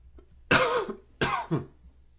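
Two short, harsh cough bursts in a quiet room.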